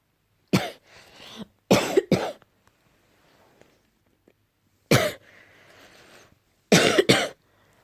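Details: Morning cough, tagged allergy: several sharp, harsh coughs, some in pairs, with quiet breaths between.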